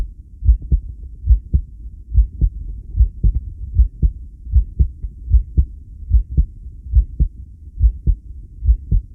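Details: Regular low heartbeat thumps at about 74 beats a minute, recorded during a long breath-hold alongside a 10-lead recording; the owner asks whether the heart reacts normally; heartbeat.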